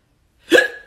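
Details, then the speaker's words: Adult hiccuping after eating a hot sauce made with Carolina Reaper, Red Savina and habanero peppers: a single abrupt, voiced hiccup, a sharp catch of breath with a brief vocal click after silence. "let's see if i can get hiccups off of dr scovel's harvest harbinger sauce carolina reaper peppers red savina peppers and habanero peppers"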